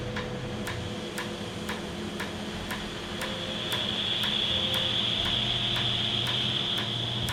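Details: Laser tattoo removal on a patient after 30–45 minutes of numbing. A tattoo removal laser fires steady sharp clicks at about four per second over a high hiss and room hum.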